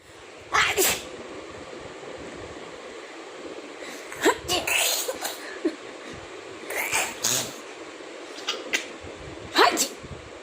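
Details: Four short, sharp, well-spaced sneezes from a baby with quiet room noise between them; baby sneezing.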